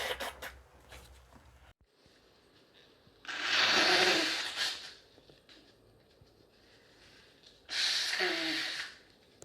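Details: Two forceful sneezes, each a sharp breathy burst several seconds apart, in a quiet room from a woman during a week-long cold; sneezing.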